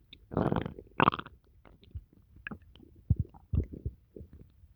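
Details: Low gurgling and rumbling bursts from the belly after eating pizza; ordinary stomach growling, bowel sounds.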